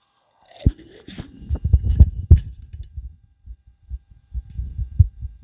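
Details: Fast, forceful low heart thumps, recorded with a homemade DIY stethoscope on the recorder's own chest right after backflips on a trampoline, with handling noise at the start: a racing heartbeat after exercise.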